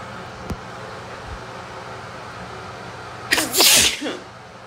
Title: After shower allergy sneeze